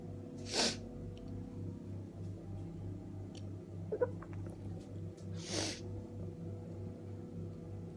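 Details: Two sharp sneezes about five seconds apart over a steady background hum, from someone with a head cold caught just before Christmas, recorded while bundled up in bed feeling tired and weak: a sneezing fit.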